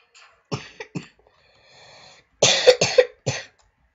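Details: Two short coughs, a quiet pause, then three harsher, louder coughs from an unwell adult gamer during a Portal playthrough.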